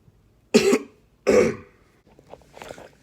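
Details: Adult man acting in a comedy skit about coughing in public amid coronavirus fears: two harsh, loose cough bursts, with faint room noise after.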